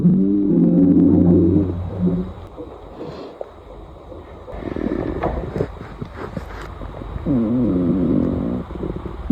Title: Gurgling Sounds